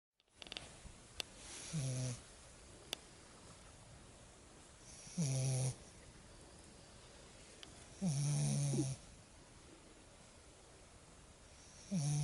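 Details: Lagotto Romagnolo puppy snoring loudly in sleep: low, buzzing snores on each breath, about 18 a minute, over steady room hiss.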